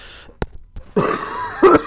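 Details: Adult getting over a cold coughs during gaming commentary: a short sharp cough, then a rougher throat-clearing cough a moment later in a quiet room.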